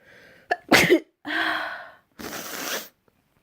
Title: Wet sprayed sneezes